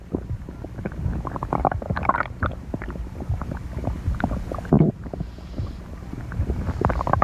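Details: Rumbling, bubbling gurgles of a growling stomach, with some wind-like background noise: stomach growling (borborygmi).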